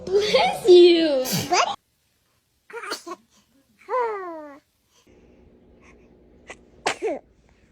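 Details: Babies (compilation of several infants): several short, sharp sneeze bursts, some followed by small squeaky cries or vocal sounds, quiet room pauses between; sneezing.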